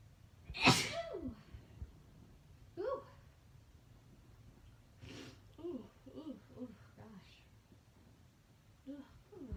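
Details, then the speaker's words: Woman's sneezing fit induced by Chhinkni sneezing powder: one loud explosive sneeze followed by a run of smaller sneezes and gasping catches. She says it is hard to stop once started. "Oh, but like I said, when Chhinkni gets you, ooh, it's hard to stop."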